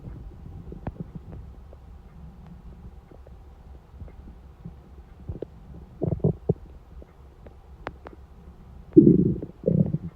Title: Hungry stomach noises at 4:30 am